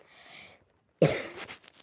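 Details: Single loud, harsh cough from a child after a faint breath; cough.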